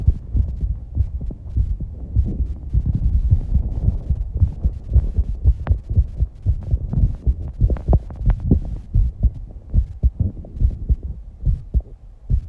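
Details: Rapid, strong low thumping heartbeat with heavy breathing noise in a 19-year-old girl after exercise, with some breath holding. This is a fast heart rate after exercise, a normal response.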